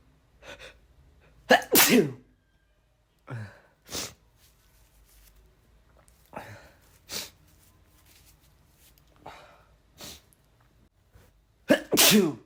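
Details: Male feeling under the weather, sneezes induced with chhinikkni snuff: about eight repeated loud, explosive sneezes, each with a sharp intake of breath before it.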